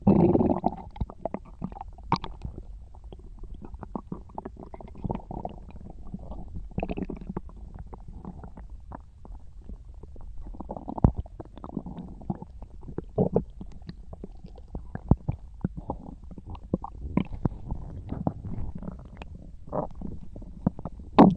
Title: (my last video of 2024!) stomach rumbling